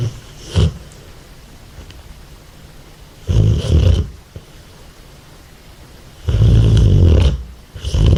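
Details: Sleeping American Staffordshire terrier snoring: loud, deep, rumbling snores each about a second long with quiet pauses between; ordinary snoring.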